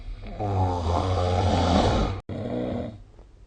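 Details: Snoring recorded during sleep with the SnoreLab app: loud, rattling snores on two breaths in, vibrating through the throat.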